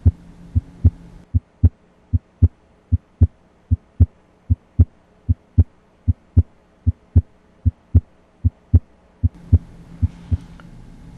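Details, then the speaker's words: Normal heart sounds through the stethoscope diaphragm at the right second intercostal space (aortic area): regular at about 76 beats a minute, second sound loudest at the base. "the left second intercostal space the left lower sternal border then at the point of maximal impulse or the apex know that there are specific sounds that are heard loudest at certain locations again s1 is loudest at the apex and s2 is largest at the base of the heart"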